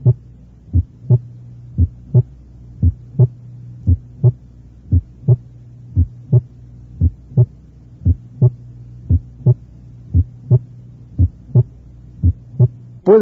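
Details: Teaching heart auscultation recording: regular heartbeat about 57 a minute, the first sound of each pair softer than the second, a faint first heart sound with a long PR interval.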